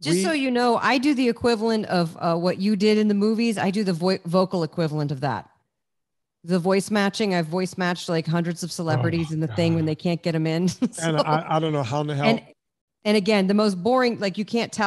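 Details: Adult speaker; Normal conversational speech.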